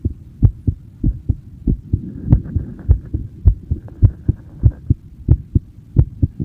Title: My heartbeat sound (in person)